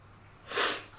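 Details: A model filmed with permission: a single short, hissing sneeze burst rising out of a quiet room.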